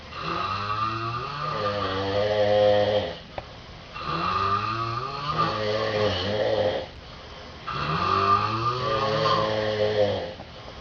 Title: Me and my roomie snoring our heads off when I was in hospital